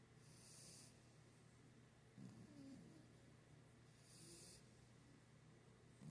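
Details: Charles napping, snoring comfortably: soft snorting breaths with light hissing over quiet room noise; mild snoring.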